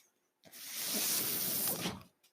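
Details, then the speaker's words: A soft, airy whoosh rises, holds about 1.5 seconds, then fades in a quiet room: a mechanical ventilator delivering a breath to the ventilator-dependent adult male speaker. "hello everyone my name is that noise you're hearing my ventilator"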